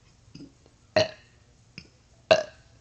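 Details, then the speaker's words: Deliberate burping during a burping challenge aiming for 10 burps in 60 seconds: two loud, drawn-out burps, each preceded by softer ones. "i love big burping i don't know why"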